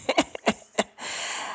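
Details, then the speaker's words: Adult woman with asthma, recovering from flu a couple of weeks ago that triggered her asthma and hospitalization with 89% oxygen: a run of four short, dry cough bursts, a lingering cough. "I also am an asthmatic, and and y'all hear the cough is still there. It triggered my asthma, and as I laid with 89% oxygen, I was waiting for my ancestors to come and get me."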